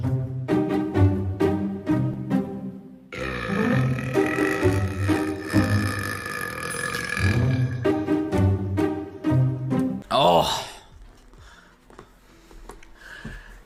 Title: Guys Burps Compilation